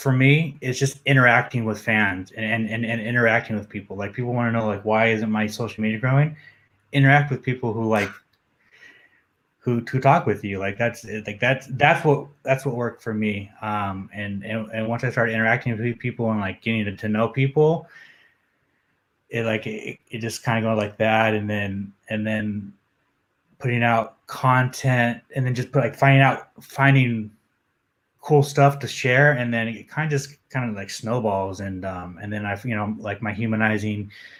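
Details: Adult man, a journalist, who says he has a stutter that comes out when he gets nervous, speaking in a podcast interview; stuttering.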